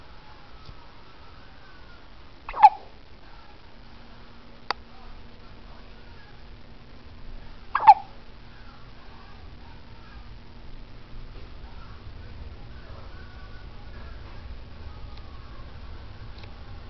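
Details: One-week-old baby boy with hiccups: two short, sharp hiccups about five seconds apart in a quiet room.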